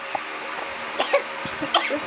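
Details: Child's voluntary fake coughing: a few short, light, deliberate coughs imitating a cough rather than from illness.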